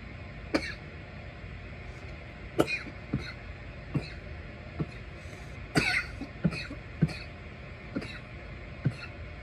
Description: a random mix of audio clips of me coughing while smoking my bong, as a thanksgiving gift. :)